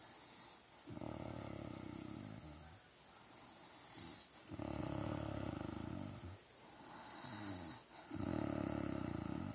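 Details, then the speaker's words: Adult woman (wife) snoring: loud, rough, rattling snores on each breath in, about 15 breaths a minute, with quieter breaths out between them; snoring. "She snores."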